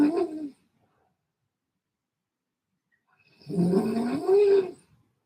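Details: At 11 PM, a sleeping adult makes two rough, tonal, groaning breaths about three seconds apart, with quiet between them, described as funny noises: snoring.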